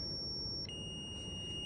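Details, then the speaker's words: Zoll R Series defibrillator manual check in defib mode with pads plugged in, 30 joules selected: steady high electronic tone shifting pitch as it charges and signals ready to shock. "You wanna select the energy level, so it should be 30 joules. And just like we have done previously, you're going to charge"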